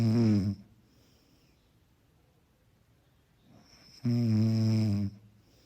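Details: Soft snoring, two deep steady low-pitched snores about four seconds apart with quiet between, offered as a mellow background sleep sound.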